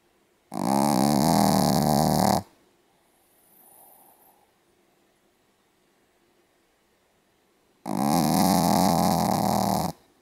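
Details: Pomeranian dog snoring very heavily, recorded 6 October 2014: two loud, rough, rattling snores about seven seconds apart, with a faint quiet breath between them.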